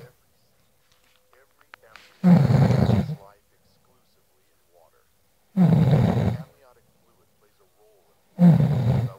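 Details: Man snoring during sleep: three loud, deep, rattling snores about three seconds apart, roughly 19 breaths a minute, with near silence between them.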